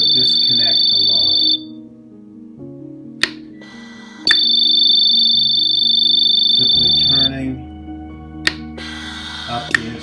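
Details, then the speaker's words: EZ-Breathe veterinary ventilator on a test lung, not a patient: loud steady high-pitched low pressure/disconnect alarm tones with clicks and faint hum, meaning pressure to the patient is not building; causes include inspiratory rate set too low or patient disconnection. "the most common warning or alarm that you will hear is the low pressure or disconnect the line this alarm indicates that the pressure to the patient is not coming up"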